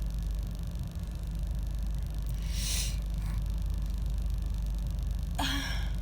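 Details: Adult with a cold moving to the chest: a breathy intake, then one sharp, harsh, partly voiced sneeze, partly stifled, in a car over steady rumble.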